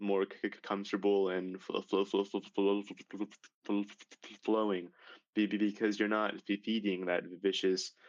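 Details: High school senior male with real developmental stuttering that began severely at age 10, in speech therapy for six years; stuttering.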